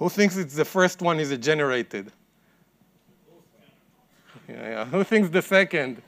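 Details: Adult man speaking; normal speech.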